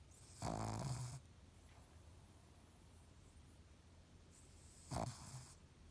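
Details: Snoring in a pug dog: two rough, snorting snores about four seconds apart, each with a rattling catch on the in-breath, and quiet breathing between them; sounds human.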